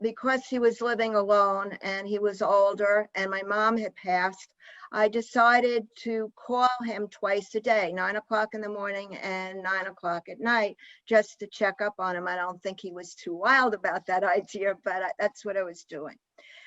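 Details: Adult woman speaking; normal speech.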